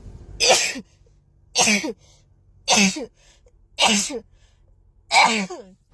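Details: Five loud, explosive sneezes in quick succession, each a sharp burst with a brief voiced release: a rapid sneezing fit.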